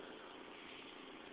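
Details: Steady, even whooshing hum of a home oxygen concentrator running, with no breaks or alarms, while a child plays with it.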